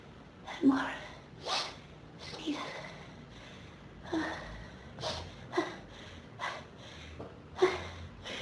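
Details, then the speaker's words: Person with pollen and dust allergies since about age 14 has a sneezing fit: about six forceful sneezes with sharp inward gasps between, in quick succession, blamed on dust in the room. "Sometimes I have to stay home and just sneeze all day. There's too much dust in this room. It's making me so weak to sneeze."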